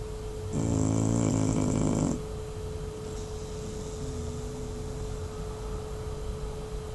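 One loud, rattling snore lasting about a second and a half, followed by quieter breathing with a steady hum in the background. Snoring.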